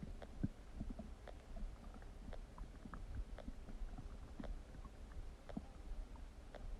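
Low, continuous gurgling and rumbling with intermittent bubbly pops and squeaks from the abdomen: loud bowel sounds, borborygmi.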